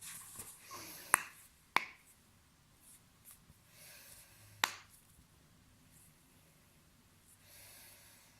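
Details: Spinal joint cavitation during a back adjustment: three sharp, loud cracks over quiet room noise.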